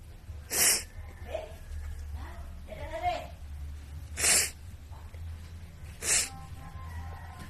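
Three sharp sneezes with some vocal sounds between them, over a steady low hum and faint music.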